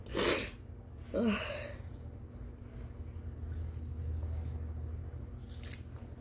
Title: Induced sneezes w/at least 4 GIANT, and EXTREMELY POWERFUL and EXTREMELY WET, unexpected ones!😳😱💦💨🤧